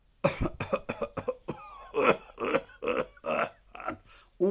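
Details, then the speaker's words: Doctor's imitation of pertussis (whooping cough), the 'whoop'-like cough called 'dog cough' in Kannada and caused by a bacterium: rapid run of short, dry cough bursts in a row. "ಉಪಿಂಗ್ ಅಂತ ಹೇಳಿದೆ ಅದು ಉಪ್ಪಿಂಗ್ calf ಅಂತ ಹೇಳ್ತಿವಿ ನಾಯಿ ತರ ಗೋಳಾಡುವುದಲ್ಲ ಅದು ಉಪ್ಪ್ ಮಾಡುವಂತಹ ಕೆಮ್ಮು ನಾವು ಕನ್ನಡದಲ್ಲಿ ಅದಕ್ಕೆ ಸ್ವಲ್ಪ ರಫ್ ಆಗಿ ನಾಯಿ ಕೆಮ್ಮು ಅಂತ ಹೆಸರಿಟ್ಟಿದ್ದೇವೆ"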